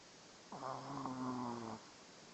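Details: A single soft, drawn-out, buzzing snore lasting about a second over quiet room noise.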